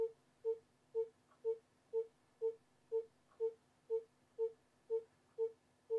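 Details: Educational fetal monitoring rhythm 3: regular, steady electronic monitor beeps at about 122 per minute tracking the fetal heart rate rhythm.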